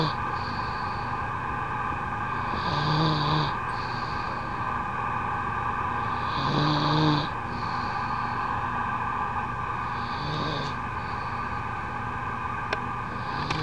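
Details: Sleeping, tired subject wrapped in blankets: low rumbling snores about every four seconds, roughly 15 a minute, over room hum; snoring.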